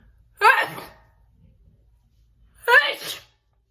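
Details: Two loud voiced bursts about two seconds apart, sharp onset and fading tail, big sneezes mixed with a stifled sneeze; sneezing.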